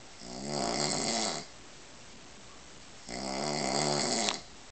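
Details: Two long, rough, rattling breaths about three seconds apart with quiet between them: loud snoring from a sleeping adult man, a father.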